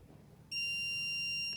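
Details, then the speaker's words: A steady high-pitched alert tone starts abruptly and holds as a public access defibrillator in training mode announces stay back and shock delivered; simulated AED shock-delivery alert during a demonstration. "right it wants to shock so stay back shopping now shop delivered"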